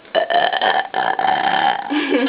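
One long, loud, drawn-out voiced belch lasting about two seconds. Prolonged burp.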